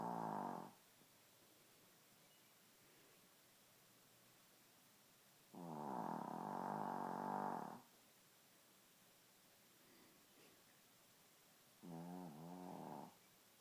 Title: Bunny the shitzu snoring